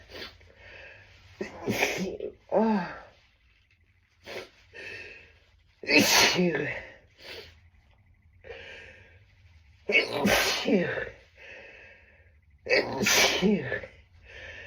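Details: Four big, forceful sneezes, each preceded by gasping inhalations, after trying to stifle them; stifling worsened the tickle; repeated sneezing bout attributed to tree pollen allergy and worsening.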